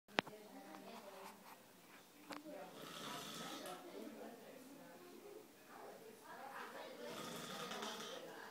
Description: Synchronized snoring